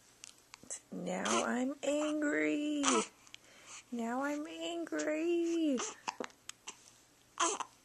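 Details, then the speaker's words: Hiccups in an infant who gets them several times a day: brief sharp hiccup clicks between fussy whimpers and babble. "hiccups makeups we don't like these hiccups oh goodness"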